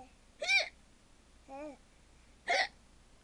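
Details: Young child producing deliberately faked hiccups, three short voiced hic-like bursts, while laughing at a parent; imitated, not true reflex hiccups.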